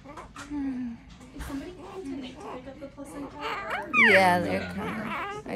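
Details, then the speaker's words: Newborn girl just after an unmedicated natural birth, being tickled to make her cry: adult voices, then a short rising newborn cry breaks through. "I'm just try to get her to cry just tickle in her"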